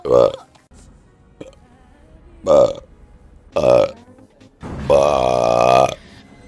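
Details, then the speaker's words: Gassy streamer during a live stream: four deep, voiced burps, the last drawn out over about a second, with faint background music. "uh uh oh stretch burp oh uh uh yeah I do apologize"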